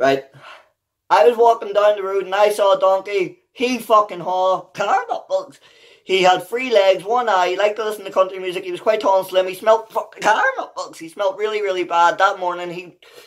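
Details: Real, unedited vocal tics, including vulgar language, in an adult man with Tourette syndrome; the tics interrupt him while he reads a children's book aloud.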